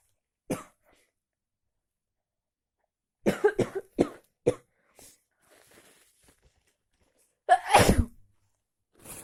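Several short explosive bursts, ending in one loud full sneeze, in a quiet room. Repeated sneezing.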